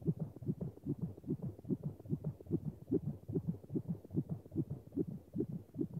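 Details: Sound-effect recording of a fetal heartbeat: rapid, regular whooshing thumps at about 145 per minute over a low hum.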